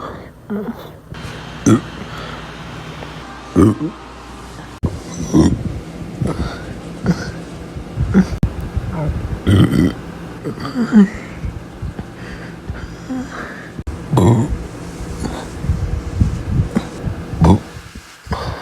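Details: Repeated deep, low, throaty belches from a young boy with short pauses between them, part of a burp compilation; burping.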